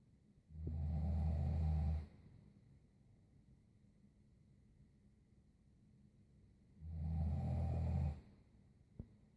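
Two deep, rumbling snores about six seconds apart, near 10 a minute, with quiet pauses between them.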